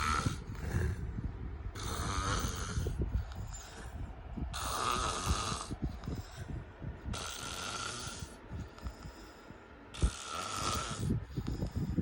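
Loud rattling snores on each in-breath, about five over twelve seconds, with quieter breathing between them: heavy snoring.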